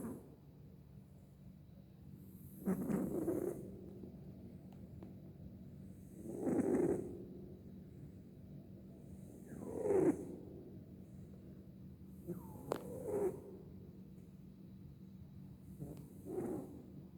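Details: Sleeping cat: soft, regular snores, about five in seventeen seconds, over quiet room hum; cat snoring.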